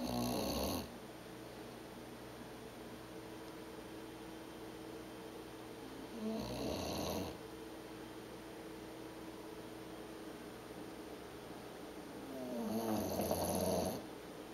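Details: Bulldog and cat sleeping and snoring: three loud, rattling snores about six seconds apart, with quiet breathing between them.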